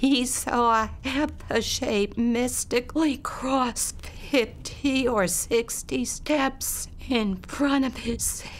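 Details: Adult woman speaking; abductor spasmodic dysphonia.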